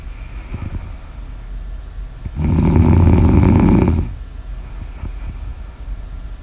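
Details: Snoring audio recorded during sleep: a loud, low, rattling snore lasting under two seconds between quieter breaths in a small room; snoring.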